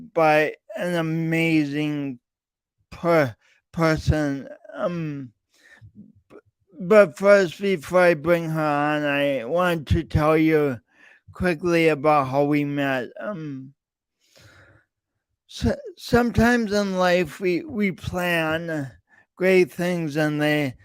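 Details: Adult man, podcast host, with his own lifelong speech impediment and coordination differences; real, not acted; speech impediment with part-word repetitions.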